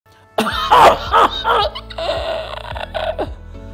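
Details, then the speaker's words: Child coughing like this for about 7 days: a rapid run of about five harsh coughs, then a long drawn-in breath, typical of whooping cough (pertussis), a bacterial infection. "मेरे बच्चे को इस तरह से खांसी पास 7 दिन से हो रही है यह खांसी जो है बैक्टीरिया इंफेक्शन होता है"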